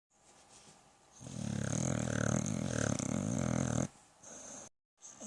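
One loud, long, rattling, growly snore lasting nearly three seconds, followed by softer breaths. Snoring.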